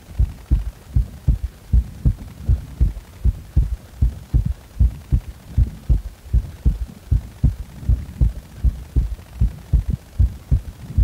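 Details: Heart sounds after compression, with three sounds per beat: regular low heart thumps at about 78 a minute, with an extra sound in each beat giving a gallop-like triple rhythm.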